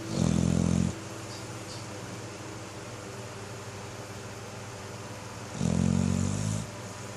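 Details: Snoring during sleep: two loud, deep rattling snores about five seconds apart with quiet breathing and room hum between.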